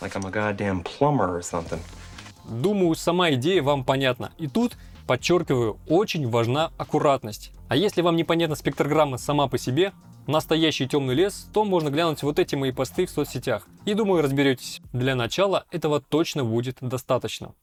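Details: Adult male speaker; Normal speech.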